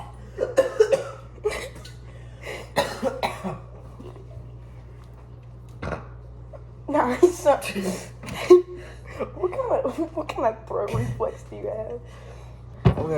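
Harsh coughing bursts and retching, gagging sounds after swallowing very hot sauce, with some voices and steady room hum.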